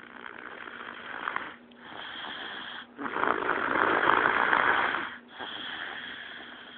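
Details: Snoring: harsh, noisy breathing in repeated cycles with brief pauses, about 25 a minute, recorded on a phone.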